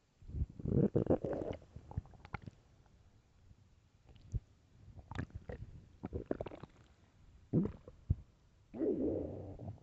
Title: LOUD starving stomach growls (headphones) part 2